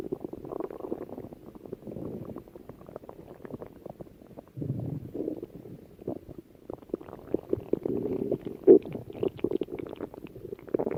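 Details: Stomach growling (borborygmi): continuous low gurgling and bubbling rumbles with irregular pops and squeaks, swelling and fading.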